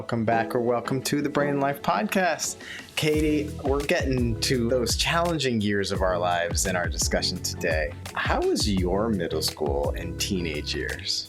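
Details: Adult speaker; typical speech.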